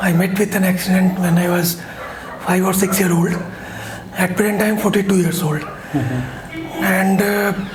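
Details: Dysphonia from left unilateral vocal fold paralysis with phonatory gap in a 42-year-old man, pre-therapy recording; hoarseness and low pitch; reports an accident at age 5 or 6.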